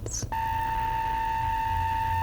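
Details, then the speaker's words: A steady high pure tone held about two seconds after a brief noise; a test tone in an audiologist's hearing exam, frequencies stepped from 400 to 900 Hz. "let me know if they become more difficult to hear at all or if you can hear each of them with the same ease as you did the first two"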